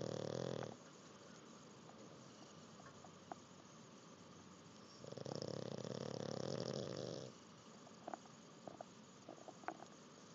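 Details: Jack, a pug, asleep after learning to swim: loud, rough, rattling snores, each about two seconds, separated by quiet pauses with faint room noise; snoring.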